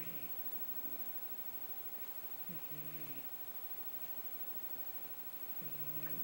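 Faint, low, buzzing snores repeating about every three seconds, around 20 breaths a minute, over steady room hiss.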